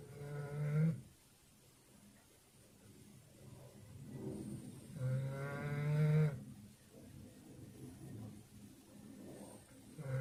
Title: Doberman snoring